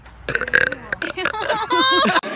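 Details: Compilation clip: a short, loud belch with a voiced, gurgling quality and some background voices: a single burp.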